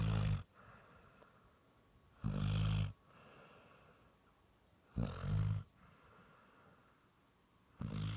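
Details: Loud, rattling snores at a slow, even sleeping breath rate with quiet exhalations between, from a dog in deep sleep: snoring.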